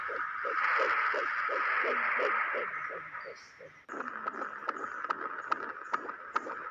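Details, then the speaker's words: Doppler fetal heart check on the mother's lower right abdomen, listened to for 1 minute during labour care: fast, regular whooshing beats at about 140 a minute, a normal fetal heart rate. "selanjutnya kita lakukan pemeriksaan djj atau denyum jantung janin berikan jelly pada bagian perut kanan bawah Ibu setelah itu mengambil Doppler untuk mengecek apa adanya jantung janin masih dalam keadaan normal dengarkan selama 1 menit"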